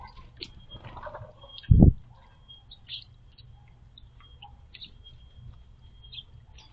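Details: Cough in a squirrel while drinking water, possibly from water going down the wrong way or a sucked-up seed: a single short, sharp cough with birds chirping in the background.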